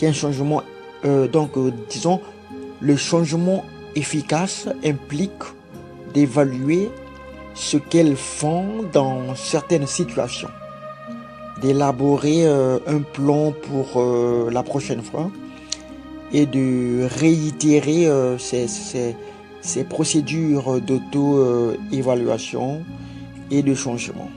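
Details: Stuttering in a French-speaking adult man who grew up with a stutter and followed therapy for several months as an adult; he says he still stutters occasionally while speaking here.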